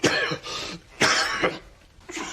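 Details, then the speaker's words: Two or three short, harsh cough bursts with a throat-clearing quality, from a Korean historical TV drama scene where someone demands to know who coughed; cough. "누구 인거 지금 누가 기침 소리를 내어서 누가 지친 소리를 내 얻는가 말이야"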